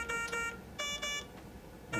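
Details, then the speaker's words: AVEA critical care ventilator switched on via rear flip switch with medical gas connected, no oxygen: three bursts of electronic tonal beeps over two seconds, the expected power-on alarm. "avia will alarm when it turns on at this point we have medical gas plugged in"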